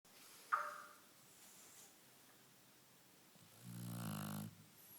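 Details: Lilac Shar Pei dog snoring while asleep: one long, low, rattling snore on an in-breath amid quiet room noise; ordinary snoring.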